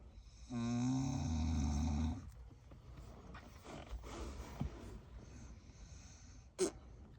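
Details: Snoring in a sleeping senior rescue pit bull dog: one long, loud, vibrating snore lasting about one and a half seconds, then softer breathing and small rustles.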